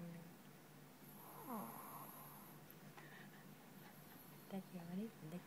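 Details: Sleeping dog (owner jokes it's drunk) snoring with low rattly breaths and a few short whiny, squeaky noises against room hum.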